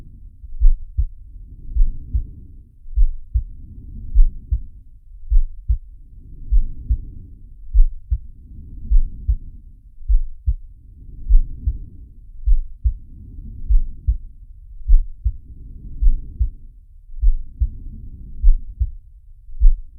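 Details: Animated cartoon sound effect of Sharky's heartbeat and breathing: regular low thumps near 100 a minute with slow breath sounds swelling and fading, about 13 breaths a minute.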